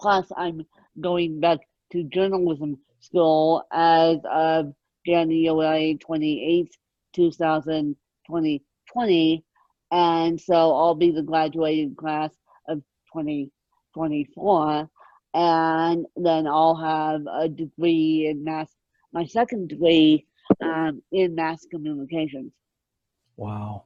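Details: Adult woman with moderate, mid-spectrum ataxic cerebral palsy present since birth, needing 24-hour care; ataxic dysarthria (cerebral palsy).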